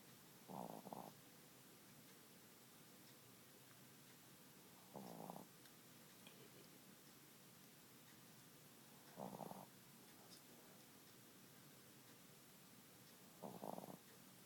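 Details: Quiet snoring: four soft, rough snoring breaths evenly spaced about every four seconds, roughly 14 a minute, over steady background hiss.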